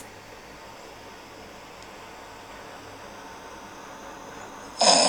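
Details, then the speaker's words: Sleep apnea patient: ordinary snoring, then breathing stops about 7 seconds in silence before an abrupt loud snorting gasp as breathing resumes; obstructive sleep apnea apneic pause. "これ7秒ほど止まってんのが分かりでしょうか?このように寝ている間に呼吸が止まるというのを1時間に何回も繰り返してますと、本来必要とされる酸素量を下回ってしまいます。"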